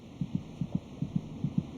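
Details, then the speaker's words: Fetal heartbeat at 26 weeks of pregnancy: rapid, regular paired thumps at about 145 a minute, roughly twice the mother's rate; normal fetal heartbeat. "The fetus's heart beats about twice as fast as the mother's. Monitoring the baby's heartbeat gives a good indication of his general condition."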